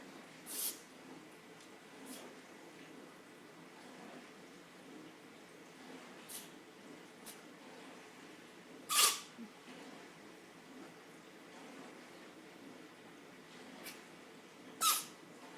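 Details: Sneezing with a chest cold: four short, sharp sneezes of varying strength, two louder and two soft, against quiet room noise; sneezing.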